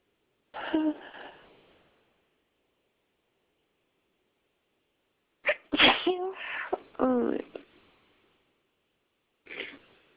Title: Me Sneezing haha